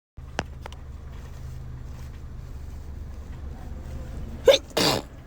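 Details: Sneezing, tagged allergies: a sharp, explosive sneeze in two bursts, an indrawn catch then forceful expulsion, over steady low background hum.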